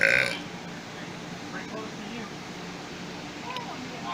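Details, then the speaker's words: Burping after eating a bunch of cookies: one loud, brief belch at the start, then quiet room noise with faint sounds. "just ate a bunch of cookies and I got the burps, man."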